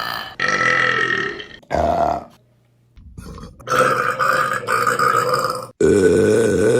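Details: Several loud, long, voiced belches in quick succession with short silent gaps between; burping.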